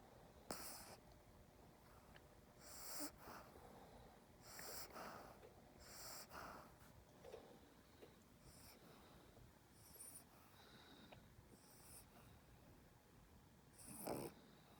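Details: Quiet, irregular snorting breaths with faint snuffling between them from a dog snoring while held in someone's arms; light snoring.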